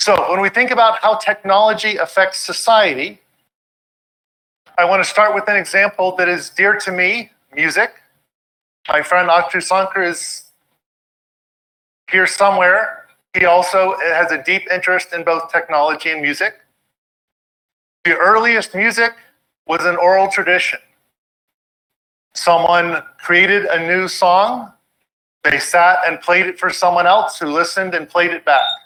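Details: Adult speaker; normal speech.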